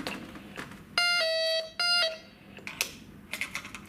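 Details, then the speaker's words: Falls monitor alarm: two loud, steady electronic tones over quiet room noise; the alarm keeps sounding while the patient stays standing until staff reset it by pulling out and replacing the magnetic fob. "if your patient doesn't sit back down it will continue to alarm and the only way that you will reset that alarm is by pulling out the magnetic fob and placing it back in"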